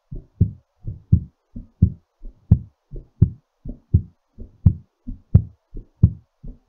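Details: Normal heartbeat recovering after exercise: clear paired lub-dub heart sounds at about 90 beats a minute, steady rhythm.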